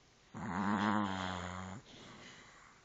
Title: Snoring Chihuahua Dreaming With Eyes Open